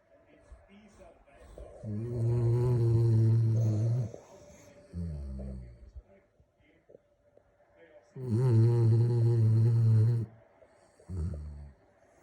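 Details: A sleeping Magyar Vizsla dog gives two long, loud, rumbling snores, each followed by a shorter snort on the out-breath; ordinary snoring.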